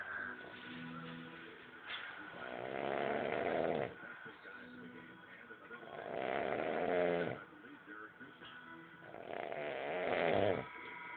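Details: A person snoring with slow, rough noises about every four seconds, roughly 15 breaths a minute, over faint background music and a televised basketball game; ordinary snoring.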